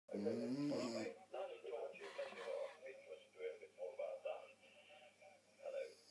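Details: Grandmother snoring with her radio playing in the background: rough, fluttering snores with a voiced, groaning quality, repeating irregularly in a quiet room; ordinary snoring.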